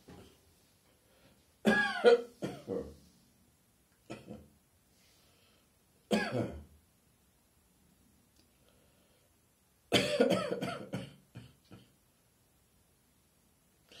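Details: Morning cough: four bouts of harsh, rough coughing, some in quick runs of two or three, with a throat-clearing quality, separated by quiet pauses.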